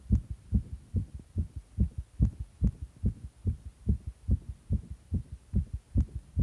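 Strong, regular low thumps at about 140 beats a minute, a fast pounding heartbeat.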